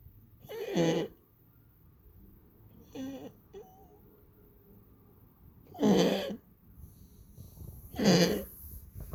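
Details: Pet recorded coughing for its vet, with coughing now much more frequent: three harsh, forceful cough bursts and one softer one, spaced a few seconds apart over about nine seconds.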